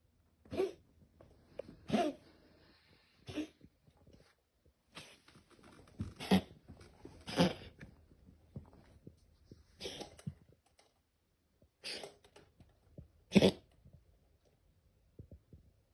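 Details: Cat giving about eight short, harsh coughing bursts in a quiet room; coughing is never normal for cats and may indicate feline asthma.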